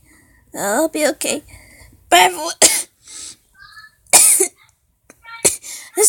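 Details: Sick child recording a Roblox gaming video: repeated sharp coughs and throat clearing in short bursts, with some speech between them; faint room noise.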